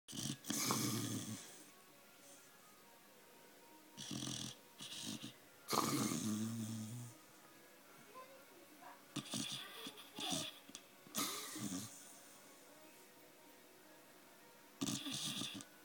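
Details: Irregular noisy snorting breaths with pauses from Tank, a 9.5-month-old Staffy, sleeping after a tough day; dog snoring.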